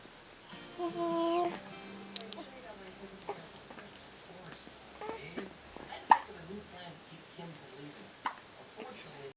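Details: Person with hiccups: sharp, brief hiccup-like gulps stand out over quiet background voices and faint music; ordinary hiccups.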